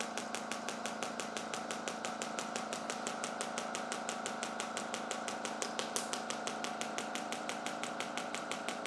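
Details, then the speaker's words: Shockwave therapy device firing during treatment of an adult man's anterior hip pain (suspected hip capsule/adductor magnus issue), about 100 pulses on one spot: rapid, even clicking pulses, about 118 a minute, over a steady mechanical hum. "that's it okay about 100 pulses on this spot and that should be it"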